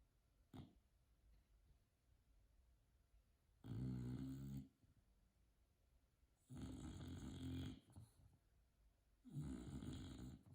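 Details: Loud rattling snores from a sleeping bulldog, three over about ten seconds with quiet pauses, in a quiet room.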